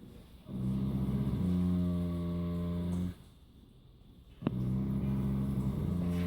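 Long, deep, droning rattle as the breath goes in, a short pause, then another rumbling breath: loud snoring from a horse.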